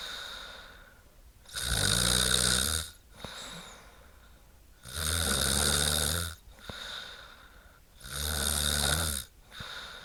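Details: Woman snoring: loud, regular rattling snores on each in-breath with softer out-breaths between, about 18 breaths a minute.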